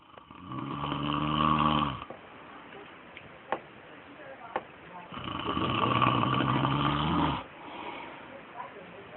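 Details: Father snoring: two long, loud buzzing snores on inhalation with quieter exhalations between, roughly every five seconds.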